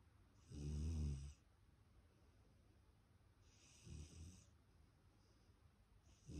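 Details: Sleeping puppy snoring: low, rumbling breathing noises recurring about every three seconds with a faint hiss between.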